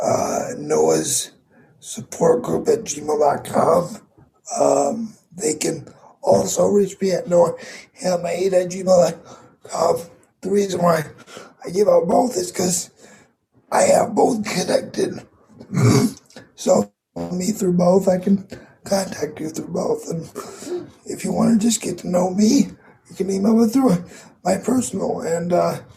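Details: 22-year-old man with dysarthria from cerebral palsy affecting his muscles; he says tighter muscles make talking more difficult and the effect is audible in his voice.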